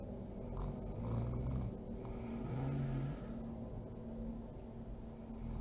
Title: SNORING MOM SLEEPING ASMR SERIES PART 39